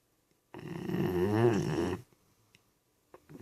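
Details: Sleeping pet snoring: one loud, drawn-out, fluttering snore about a second and a half long in a quiet room.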